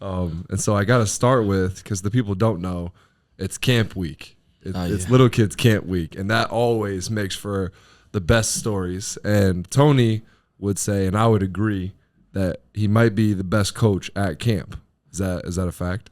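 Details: Adult male speaker; Normal speech.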